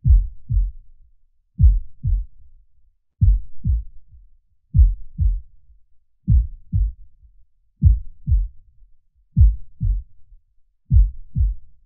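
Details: Steady, low, paired lub-dub thumps at about 40 beats a minute with no extra sounds: a normal heartbeat at rest, played with soothing imagery for relaxation.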